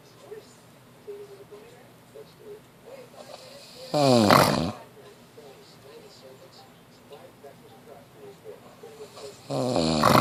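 Two loud, rattling snores separated by quiet breathing; ordinary snoring from vibration in the throat during sleep.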